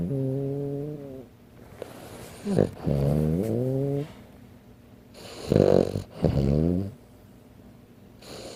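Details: A 15-pound sleeping Frenchton dog snoring like an adult human: loud, deep, droning snores, each breath drawn out with a rattling, throaty tone.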